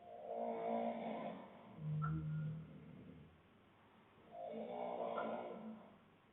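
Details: Adult man (boyfriend) snoring with deep rattling breaths in and out, about ten a minute, with a low rumbling vibration; other snorers in the background.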